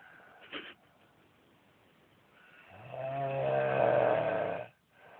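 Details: Adult man snoring badly: a long, loud, buzzing snore with a strong vibrating quality, preceded by quieter breathing noise.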